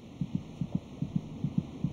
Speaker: by week twenty six it may just be possible to hear the fetal heartbeat by putting your ear against the mothers abdomen the fetus's heart meets about twice as fast as a mother's monitoring the baby's heartbeat gives a good indication of his general condition